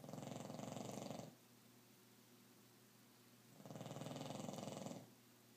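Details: Female dog snoring loudly during deep sleep at night, waking owner around 3-4am: loud rattling snores on each inhalation, about two over five seconds, quiet exhalation between.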